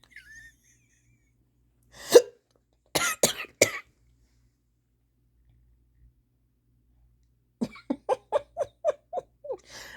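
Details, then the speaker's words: Person just woken up with unusually strong hiccups, later trying water; sharp, abrupt gasping bursts, one alone then a cluster of three, then a run of quick voiced yelps; repeated hiccups. "morning I have hiccups they're so strong I haven't had them in so long"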